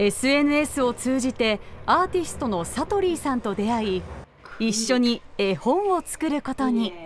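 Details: Adult female narrator; normal speech.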